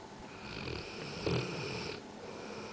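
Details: Bullmastiff dog snoring in sleep: low rumbling snore on an in-breath, with steady room noise behind.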